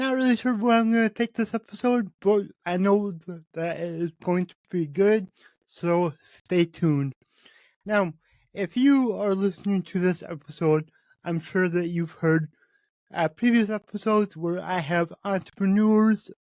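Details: Adult man with cerebral palsy, which he says affects every muscle in his body; he reports his speech has improved over the past 8 months as his health improved; real spontaneous speech; dysarthria associated with cerebral palsy.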